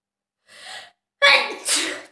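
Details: A quick intake of breath, then a loud, explosive two-part self-induced sneeze, recorded during a self sneezing challenge.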